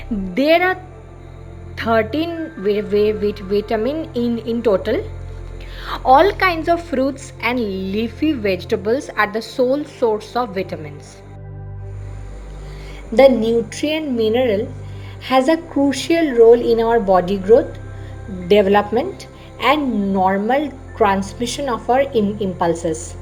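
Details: Stuttering in an adult woman who identifies as a stammering vlogger.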